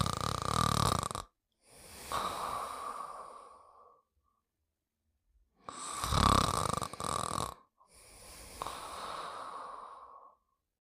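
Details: Sleeping dog snoring: two full cycles of a loud rattling inward snore, then a softer, fading breath out, about eleven breaths a minute; ordinary snoring.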